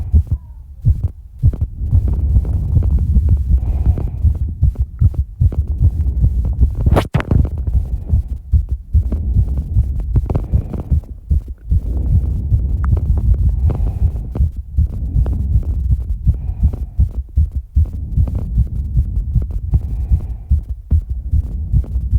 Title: 200 BPM exercise recovery heartbeat (w/heavy breathing)